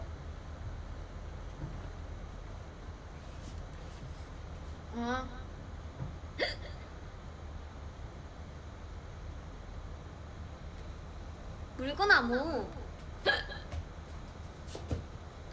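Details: Korean girl, a streamer, hiccuping: several short, abrupt voiced hiccups, some in quick pairs, in a quiet room.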